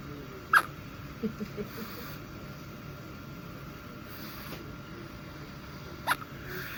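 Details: Infant quintuplet getting hiccups for the first time while being held: two soft, sharp hiccups about five seconds apart over quiet room noise.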